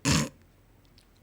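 A single loud, rough snort-like snore lasting about a quarter second, followed by quiet room noise.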